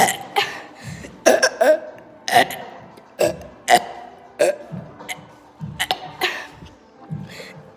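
A series of short, rough belches, about nine in eight seconds, over background music; repeated burping.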